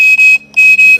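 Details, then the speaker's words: Loud, steady high-pitched beeps with short gaps from an EnVe ventilator in a training demo: low O2 inlet pressure alarm because no oxygen supply is connected while FiO2 is turned up. "so make sure that that oxygen is connected and make sure you're reading o2 Inlet pressures so that can actually suck in the oxygen"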